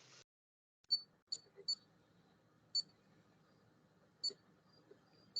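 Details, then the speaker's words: Insulin pump alert: several short high-pitched electronic beeps, irregularly spaced, over quiet room noise, while the wearer handles the pump during a conversation. "Playing around with my insulin pump. Sorry. That's all right, man. It's beeping on."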